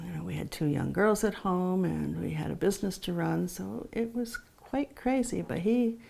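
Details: Adult woman speaking; normal voice.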